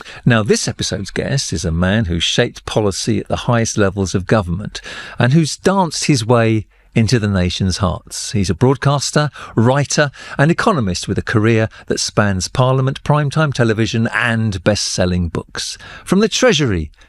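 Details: Adult male presenter; typical speech.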